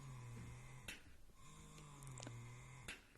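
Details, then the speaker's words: Quiet low motor hum with soft clicks and brief pauses between cycles from a Willow Go wearable breast pump in expression mode, stepping through its levels one to four. "okay and then you press the mode button to go over into expression so that's one two three four"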